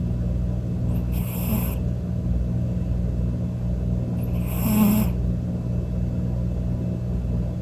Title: 【＃４】おじさんみたいないびきをかく猫/Cat snoring like an old man